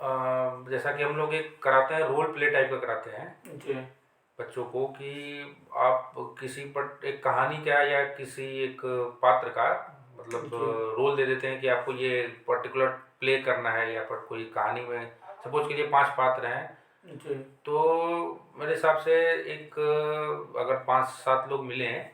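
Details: Adult male speaker; ordinary speech.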